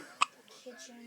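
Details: Infant hiccups: a single short, sharp hiccup from a baby, followed by soft vocal sounds.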